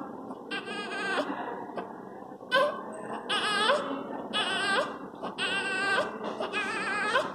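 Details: Newborn with transient tachypnea of the newborn (TTN): repeated short, voiced moaning sounds on each breath out, expiratory grunting.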